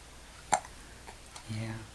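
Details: Child who got hiccups after being shaken up and having his belly jiggled, past nap time; he often has hiccups. A brief sharp hiccup, then soft fainter catches over quiet room noise; hiccups.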